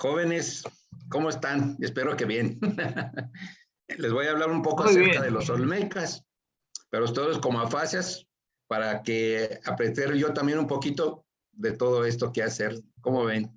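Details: Aphasia after a stroke (acquired brain injury) in an adult man speaking Spanish in a workshop for people with aphasia.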